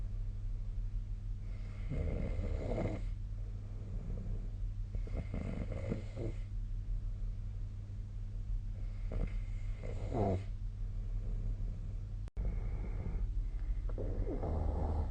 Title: 🐽 本日のイビキ / Snoring Sleep Sound 2025/02/06